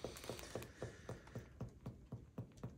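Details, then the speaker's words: An examiner percusses the lower left ribs near the sixth intercostal space, over the gastric bubble, during a deep breath: about ten quick, even taps with a hollow, drum-like note that stays unchanged; tympany, a negative splenic percussion sign. "Percusses abdomen for a gastric bubble."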